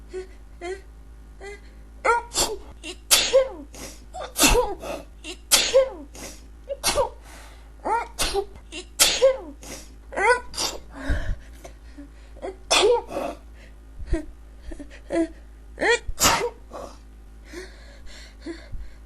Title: Can't Stop Sneezing